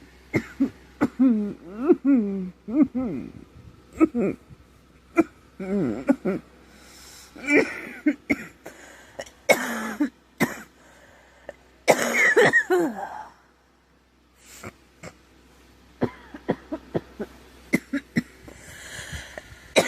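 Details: Girl coughing who says she thinks she is getting a cold, with a scratchy, sore throat: many short, repeated dry coughs and throat clearing in quick runs; cough with a common cold.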